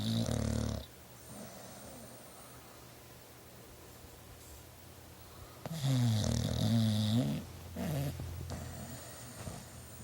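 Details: Loud, rattling snores on the in-breath and quieter snuffling out-breaths from a sleeping dog in a small room: snoring.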